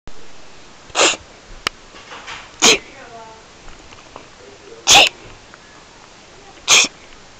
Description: Guess what Trixie does when she hears a sneeze